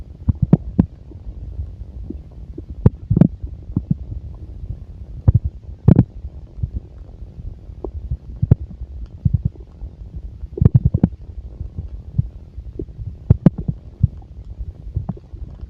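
Irregular gurgles and short rumbling pops from the abdomen over a soft low background; active bowel sounds of a full stomach.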